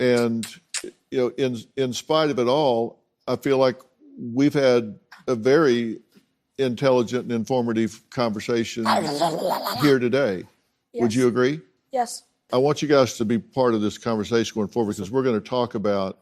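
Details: Adult male talk-show host, with brief replies from other speakers; ordinary speech.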